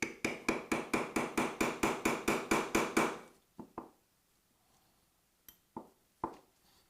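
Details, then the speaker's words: Medial malleolus fracture fixation with a universal hook plate, 4- or 6-hole, ankle surgery: rapid run of about thirteen sharp metallic strikes, then a few single taps as a mallet drives a tamp around the plate distally; surgical mallet tamping. "and then we're going to to Tamp this in place here's the Tamp that we're going to use"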